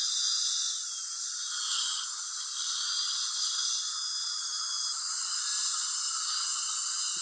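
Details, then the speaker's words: Steady high-pitched whine of a dental handpiece running a fluted finishing bur under light pressure to smooth away leftover bonding material around newly bonded Lumineers veneers in a young woman. "and I take a 12-lead burr here I like to use a fluted burrs"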